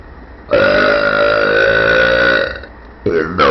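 One long, loud, rumbling voiced belch lasting about two seconds, then a brief second sound: a burp, air released from the stomach.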